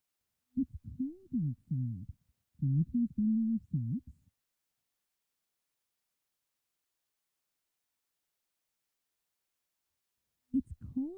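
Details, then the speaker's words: Sentence spoken for a child, faint and heavily muffled with only low tones left, simulating how speech may sound with severe conductive hearing loss (outer or middle ear problem); demonstration only. "the first sentence is an example of how speech may sound for a child with severe conductive hearing loss"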